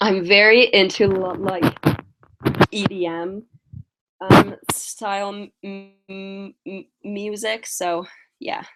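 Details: Stuttering in a female speaker who uses strategies such as prolonging words and talking slowly; she is tired.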